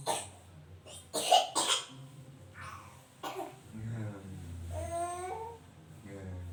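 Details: Baby coughing from crying, noted as common and not worrying: several short coughs followed by whimpering cry sounds.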